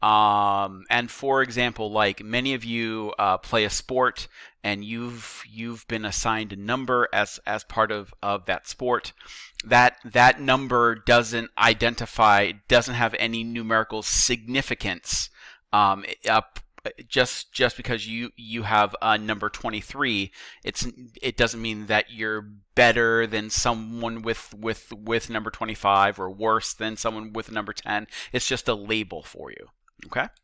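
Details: Male teacher who says he stutters and that repetitions heard are his, not the video buffering; real, not acted; stuttering.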